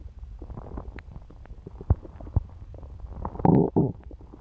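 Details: Low gurgling rumbles with scattered pops and a louder bubbling gurgle near the end from a woman's stomach after eating pizza; ordinary post-meal stomach rumbling.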